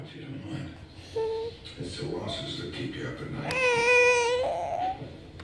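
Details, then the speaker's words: 11-month-old infant fake crying: short whiny cry bursts with a sustained tonal wail, acted rather than distress, in a quiet room, with an adult speaking to her. "are you crying don't do that no it's okay hey faker we thank you for"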